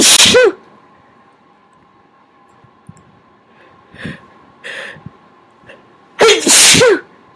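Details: Sneezes induced by tickling the nose with a Q-tip: two loud, wet sneezes, each with a sharp intake and a forceful burst, separated by quiet breathing and small sniffs.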